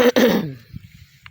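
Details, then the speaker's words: Adult who says they have a cough and a cold, tending a small garden: a single loud, harsh cough burst that fades quickly, with quiet room sound after. "Pasensya na, inuubo ako at saka sinisipon."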